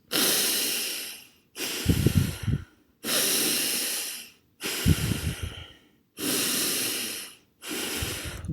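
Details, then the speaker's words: Imitated Kussmaul breathing, as seen in metabolic acidosis: long, deep, loud breaths in and out without pause, about 20 cycles a minute. Finding: Kussmaul respirations (imitated). "if you remember Kussmaul respirations are long deep breaths in and out sort of sounds like this"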